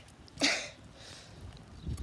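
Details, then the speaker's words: A boy walking home from school near trees, suspected allergic to pollen: a single sharp, hissy burst of air through the nose and mouth, then quiet; one of repeated sneezes. "i keep sneezing every time i get near to some pollen i just oh no i'm pulling right in my nose"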